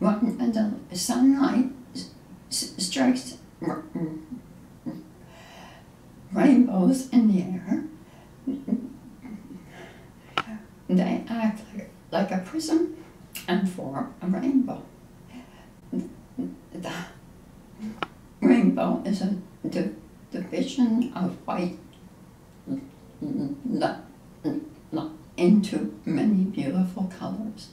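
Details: Spasmodic dysphonia patient reading the Rainbow Passage, showing results after deep brain stimulation treatment.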